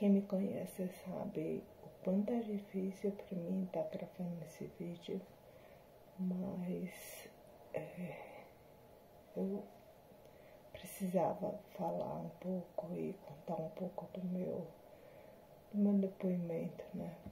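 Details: Adult woman with spinocerebellar ataxia type 7 (SCA7), a hereditary degenerative disease with symptoms since 2018, recorded after neuromodulation combined with speech therapy and physiotherapy; ataxic dysarthria.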